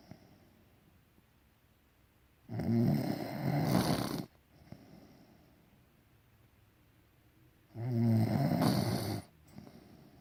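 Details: Sleeping partner in a small room; two loud, rough, rattling snores on breathing in, with quiet breaths between: snoring.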